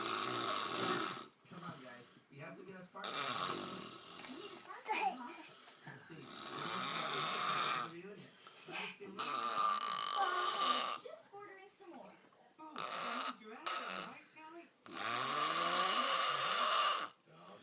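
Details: Woman asleep on a sofa: loud, rattling snores with each breath, about every two to three seconds, over faint room noise; snoring.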